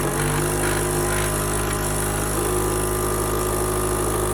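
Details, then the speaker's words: Steady, loud motor hum and drone of a suction machine running while its negative pressure is being set; about 80–120 is used for a baby. The machine is very noisy but suctions well. "These machines are very noisy, but they suction pretty well."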